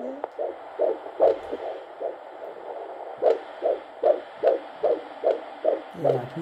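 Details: Fetal heartbeat at 15 weeks 2 days of pregnancy: rapid, regular whooshing beats at about 150 a minute.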